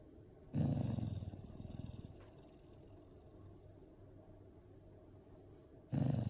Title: Snoring Cute Shibainu